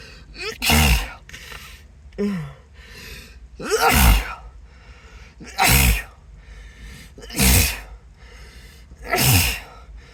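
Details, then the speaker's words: Acted, announced sneezing fit, with the person suggesting an allergy: five loud sneezes in quick succession with gasping in-breaths and apologies between, and faint background music. "oh gosh I just can't stop sneezing God sorry sorry"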